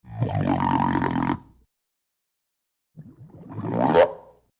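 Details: Female stomach growling (borborygmi): two long, rumbling, groaning gurgles, the second ending in a rising whine.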